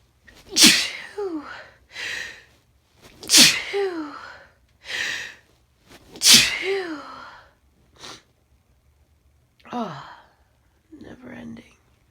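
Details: Adult female sneezes three times in a row with sharp inhalations between, then sniffs; sneezing fit after sniffing Chhinkni snuff in the morning, fits all day, last recorded fit of the day.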